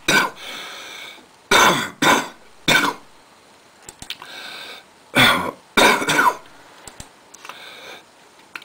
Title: A Bad Cough